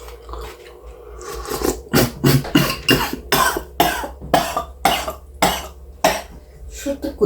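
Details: Adult man coughs in a rapid run of about ten harsh, forceful bursts after eating strong onion and mustard on bread: irritant cough.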